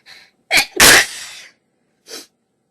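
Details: A quick indrawn breath, then one sharp explosive sneeze trailing into a hiss, followed by a short soft puff: a single sneeze, from a bout of sneezing with coughs.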